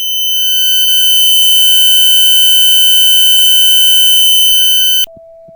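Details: Simulated tinnitus sound test: a steady, loud, high-pitched ringing tone lasting about five seconds, showing what tinnitus sounds like.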